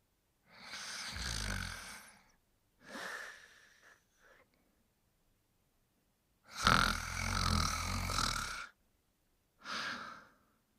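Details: Sleeping subject snoring: loud, rough snores in irregular bursts with pauses between; noisy breathing during sleep.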